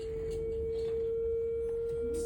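A steady, pure high-pitched tone held throughout, from a defibrillator trainer signalling the charge is complete and a shock is ready.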